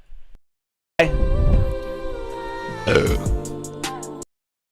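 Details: Adult man burping: two long, loud, croaky belches with faint music in the background.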